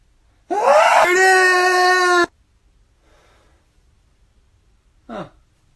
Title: When you wait for someone to sneeze #shorts